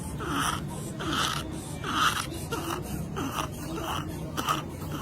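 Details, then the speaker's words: Young child with croup, an upper airway viral infection, showing rapid, harsh, high-pitched noisy breathing typical of inspiratory stridor. "आपके बच्चे की सांस में से इस तरह की आवाज आ रही है तो यह क्रूप हो सकता है"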